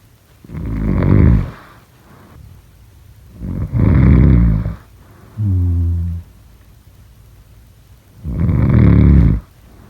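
Loud, low rattling snores on breathing in, about three cycles in ten seconds, with a softer humming snore between; ordinary sleep snoring.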